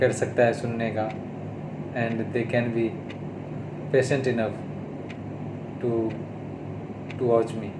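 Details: Adult male who stammers, on day 32 of speech therapy, speaking Hindi; stuttering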